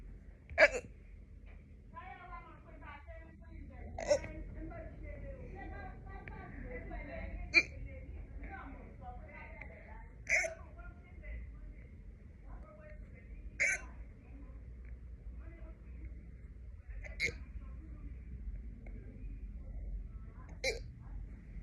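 Sharp, sudden gulping hiccups recur about every three seconds, roughly nine a minute, over quiet room noise and soft background sounds.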